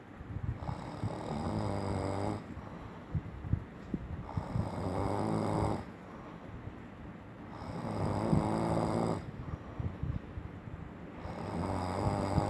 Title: when you get a snoring Hubby beside u can't sleep sound #noiseyhubby